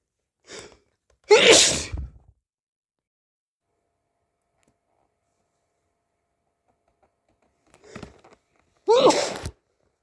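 Two loud sneezes, each preceded by a sharp in-breath, in a quiet room; sneezing from hay fever.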